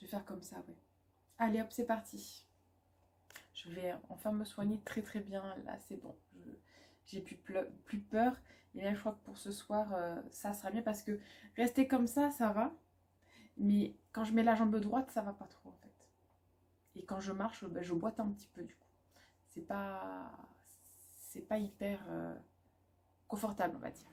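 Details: Woman (student, mother) who stutters; she says background noise such as loud machines, children or music worsens it and blocks her speech; she calls it a probably permanent brain dysfunction and is considering a speech therapist assessment; stuttering.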